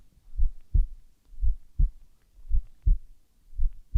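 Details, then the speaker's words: Role-play ASMR exam of a young woman born 2002, heard during deep-breath holds: steady paired low thumps at about 56 a minute, normal S1 and S2 with no S3 or S4. "So your heart rhythm is within the normal limits. I didn't hear just S1 and S2, no S3 or S4."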